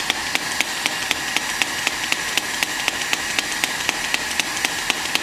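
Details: SW18 electric shockwave therapy device applied to a shoulder pain point with gel: sharp, evenly spaced clicks about four a second over steady hiss, a radial shockwave handpiece delivering pulses.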